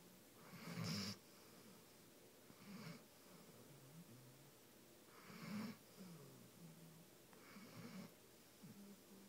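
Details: Sleeping pet in a hotel, head resting on a person: soft, rhythmic rasping snores every two to three seconds with quiet room noise between; ordinary sleep snoring.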